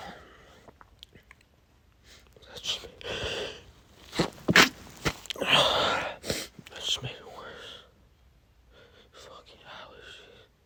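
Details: Male with pollen allergy, congested: several forceful sneezes with gasping in-breaths, snorting and heavy breathing; a sneezing fit (allergic rhinitis).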